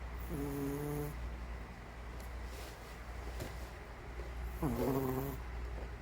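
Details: Elderly Maltese dog snoring while asleep: two whistling, buzzing snores on the in-breath, about four seconds apart, over a steady low hum; described as tremendous snoring.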